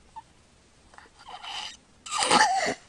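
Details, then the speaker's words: Sleeping infant who snores and breathes through the mouth without congestion: a quiet breath-holding pause, then a rough breath and a loud, noisy gasping snort as he shakes and rouses himself, an arousal after an obstructive pause. "he goes he shakes his kind of woke himself up okay"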